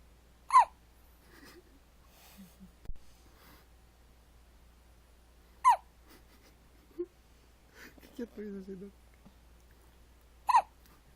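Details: Three sharp, squeaky hiccups from baby A-kin about five seconds apart, roughly 12 a minute, with soft baby sounds between; infant hiccups.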